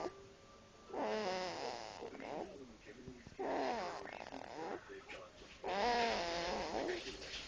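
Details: A sleeping cat breathes with soft, buzzing snores and drawn-out sighs, about three breaths in seven seconds: sighing and snoring.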